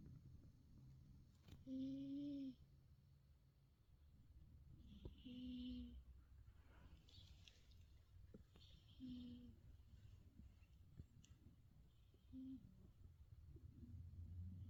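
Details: Persian/Himalayan cat snoring while asleep: soft, buzzy, slightly whistling breaths about every three to four seconds.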